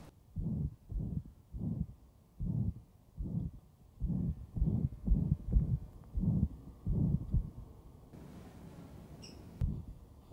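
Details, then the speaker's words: 38-year-old man with ventricular septal defect and pulmonary stenosis, palpable thrill: very loud, harsh pansystolic murmur at the left sternal edge at about 85 a minute. "as expected a very loud pansystolic murmur here"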